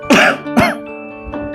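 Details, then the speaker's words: Two harsh, throaty coughs from an adult man, acted over background music in an Ayurvedic cough syrup advert; the character says he has a cough and seasonal-change allergy: a plain cough. "यार, खांसी हो रखी है और इस season change की वजह से भी मुझे एलर्जी है।"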